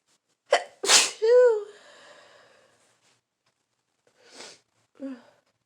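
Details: Adult with a full-blown cold sneezing: one loud explosive sneeze with a sharp intake before it, then a brief voiced trailing sound and a few quieter breaths.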